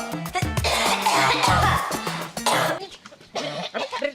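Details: An adult woman coughing in an acted drama scene over background music: several sharp, dry, staged coughs.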